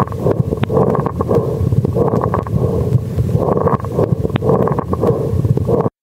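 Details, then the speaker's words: A reference crackles recording played during a discussion: breath noise full of brief popping, bubbling, gurgling clicks. These are discontinuous lung sounds attributed to disease of the smaller airspaces. "actually that's good i like that yeah yeah it's it's a bubbling gurgling type of noise yeah it's the discontinuous"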